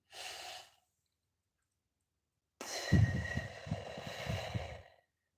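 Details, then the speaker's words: Airway-clearance deep-breathing exercise for trapped mucus (bronchiectasis/cystic fibrosis context): a quiet breath in through the nose, a held pause in the lungs, then a long, slow, audible breath out; repeated 5–10 times, can be done sitting up, before huffing. "So the idea is to breathe in through the nose and then hold that air pocket in the lungs and then slowly release"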